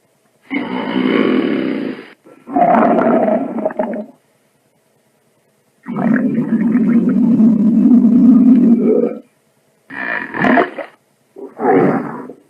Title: The Best Variety Of Stomach Noise Clips SFX (FREE TO USE) (Cleanest Audio Quality) #soundeffects